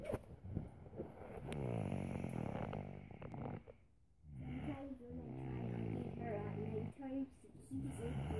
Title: Snoring little boy